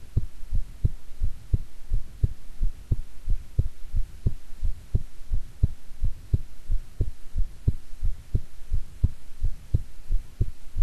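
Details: Regular paired lub-dub thumps at roughly 85 to 90 beats a minute over a low hum, with stomach growling partway through from digesting a meal; own heartbeat recording.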